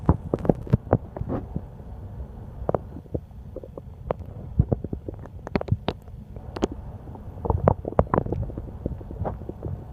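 Irregular gurgles, pops and low rumbling from a hungry stomach, typical bowel sounds of an empty gut.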